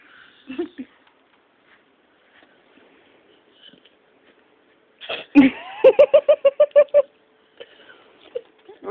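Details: Pet, Princess, snoring while asleep under a blanket: a run of short rhythmic snorting noises, about two a second, with quiet stretches between.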